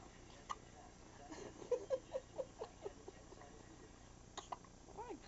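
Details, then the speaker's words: Dog with hiccups while getting excited and active: a quick run of about six short, regular hiccup sounds over roughly a second, against quiet room noise. "goodness you got hiccup uh oh her got hiccup I got hiccups hicup y we're not going to like that nope we're not going to like him hiccups"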